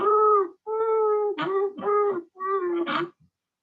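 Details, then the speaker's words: Stridor on auscultation of a patient in respiratory failure being assessed for high-flow oxygen therapy: loud, high-pitched, musical noise repeating with each breath, mainly inspiratory, from inflamed upper airway. "¿Lograron escuchar el estridor? Por favor, me escriben. Entonces el estridor, dice, es un sonido fuerte, agudo y sibilante que se escucha durante la inspiración pero que también puede ocurrir durante todo el ciclo respiratorio."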